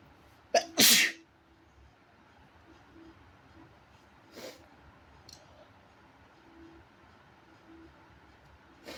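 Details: Person deliberately inducing their own sneezes at home: one loud, sharp sneeze with a brief catch before it, then a quiet room with faint breaths; sneezing.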